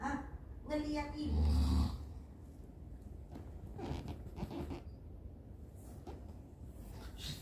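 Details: Father who fell asleep watching TV: a loud, rough snore rattles once, then quiet, noisy breathing continues; snoring during sleep.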